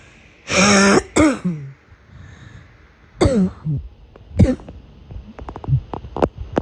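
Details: Harsh, brassy cough bursts with a hoarse, honking quality: barking cough.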